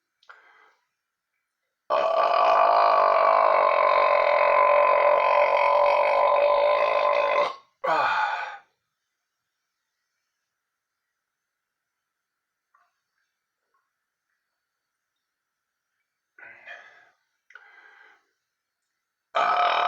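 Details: One long, loud, sustained voiced burp lasting several seconds, then a shorter burp and faint later sounds; deliberate burping.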